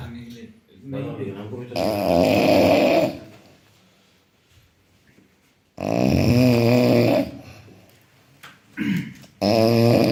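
Loud, rough voiced snores with quiet pauses between them, roughly two big snores plus shorter ones in ten seconds; heavy snoring.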